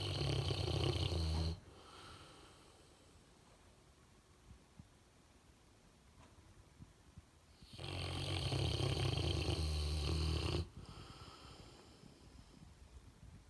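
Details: Snoring: two long, loud, rattling low snores separated by a quiet pause of several seconds, a slow heavy snoring pattern.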